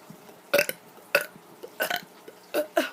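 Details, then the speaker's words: A kid doing deliberate wet burps, saying the stomach hurts after KFC: four loud voiced belches in under three seconds, each a short guttural burst; repeated burping. "okay so for some reason i'm having really really wet burps today oh my god oh god it's pointing towards the cameras"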